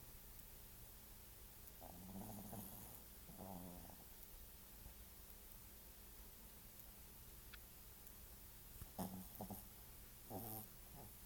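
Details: Snoring coming from the lap: low fluttering snores, about four in eleven seconds, over a steady room hum; snoring.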